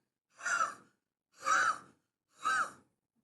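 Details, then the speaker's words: An adult clinician imitates wheezing for parents of preschool children when language is a barrier: three breathy exhalations, each carrying a faint musical whistle; imitated wheeze. "when I happen to see a child from different parts of India I always imitate see uh weing means I always say that patient whether they like"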